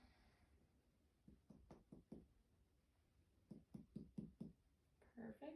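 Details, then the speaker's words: Nursing head-to-toe assessment, abdominal percussion: two series of sharp finger taps, with hollow drum-like notes over the stomach and a duller note over the liver, a normal pattern. "We're going to find that dull area. That's going to be your liver. Beautiful. Stomach is hollow."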